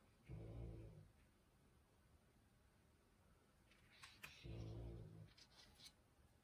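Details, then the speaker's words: Old dogs snoring in the background after a fun morning running around the yard, heard during a card-making tutorial. "You can hear old dogs snoring in the background. They had a fun morning running around the yard."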